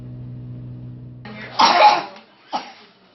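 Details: Two coughs, a longer harsh one then a short one, from a young child in a doctor's waiting room amid a local whooping cough outbreak; a 1-year-old there has a runny nose, congestion and a bad cough.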